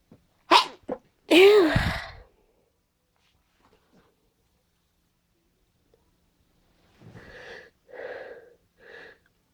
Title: stuck sneezes